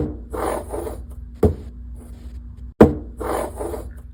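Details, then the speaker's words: Crescendo-decrescendo systolic murmur of aortic stenosis: harsh, rasping murmur that swells and fades between heart sounds. "Let's listen to what the crescendo decresendo aortic stenosis murmur sounds like."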